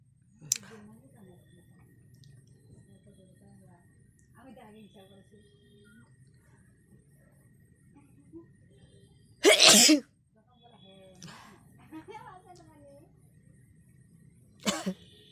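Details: A few soft voiced sounds, then one loud explosive sneeze and a shorter second sneeze, deliberately provoked by tickling the nose with a grass flower; sneezing.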